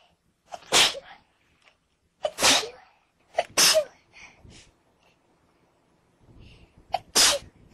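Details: Four sharp, explosive sneezes in quick succession, each preceded by a short inward breath.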